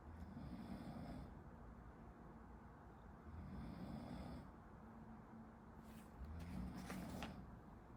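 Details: Low rumbling snores every few seconds, rising and fading with each breath, over steady room hum; someone sleeping in the background while a medical student studies.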